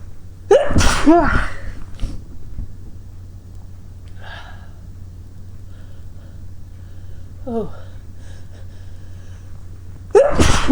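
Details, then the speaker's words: Two loud, forceful induced sneezes, each with a sharp inhaled lead-in, set off by tickling the nose with a plant, with watering eyes; quiet breathing and a faint voice in between. "sorry just now I'm using a pil plant and God it's making me sneeze a lot"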